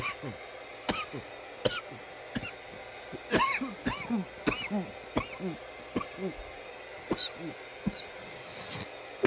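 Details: From a nearly 10-minute coughing recording: about a dozen short dry coughs in nine seconds with throaty sounds between bursts; persistent coughing.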